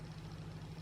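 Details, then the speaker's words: A sleeping dog gives an epic snore that goes quieter once talking starts: a low, steady fluttering rumble, snoring. "an epic snore. It's gone quieter now because I've started talking."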